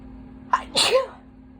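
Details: Person sneezing after holding back sneezes all day, then inducing them to relieve itchiness: a single wet sneeze with a short intake breath before the burst in a quiet room.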